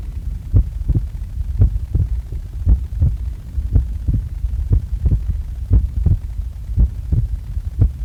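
Steady paired low thumps at about 57 beats a minute over a soft hum; a slow, regular, normal heartbeat just after waking.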